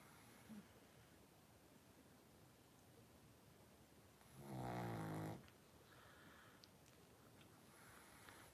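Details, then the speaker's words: Sleeping pug snoring: a single loud, rumbling snore of about one second over steady background hiss in a quiet room. "oh there you go you probably hear the Pug snoring and I apologize"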